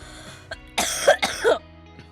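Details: Two harsh, throaty coughs in quick succession, with background music, from an adult streamer who has been sick for almost a month.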